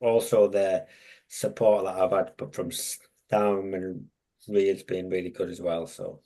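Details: Adult man with a long-standing stammer, a mentor for young people who stammer; had speech therapy around age 11–12 and again in 2018; stammering (stuttering).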